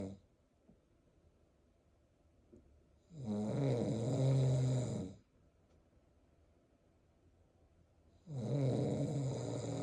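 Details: Snoring from the father beside a mother 36 weeks pregnant with twins, whose strong fetal movements respond to it: loud, low, rattling snores about two seconds each, roughly every five seconds, with silent exhalations between.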